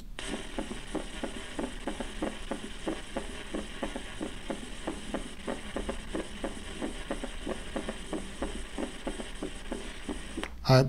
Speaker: Third hard sound. Gallop. Third hard sound, okay?